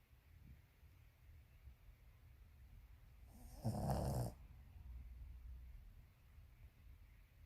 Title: Snoring Dog